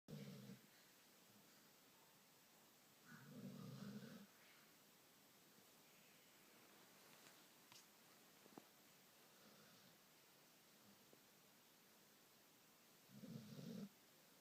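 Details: Three soft, low rumbling breaths spaced across a quiet room from a sleeping baby puppy; snoring.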